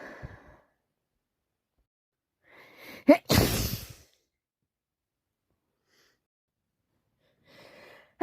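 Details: Person with a bad cold: a breathy intake, a sharp explosive sneeze burst, then a long rough nose-blowing sound.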